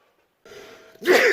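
A brief indrawn build-up breath, then the start of a loud, forceful sneeze burst.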